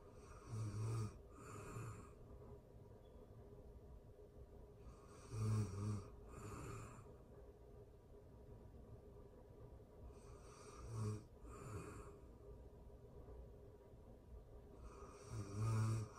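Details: Ordinary sleep snoring for anxiety relief: low rattling snores on breathing, roughly 12 breaths a minute, some breaths doubled.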